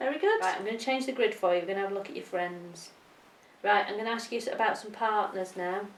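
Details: Adult woman, clinician speaking; normal speech.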